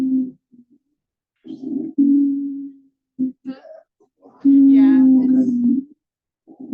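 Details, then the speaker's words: Wheezing, musical whistling breath sounds with sustained tones, taught in an emergency medical responder class as a sign of inadequate breathing and a narrowed upper or lower airway: wheezing. "so wheezing we hear uh wheezing a lot when you walk into a room patients wheezing that of course is you know a significant sign that they're not breathing adequately right"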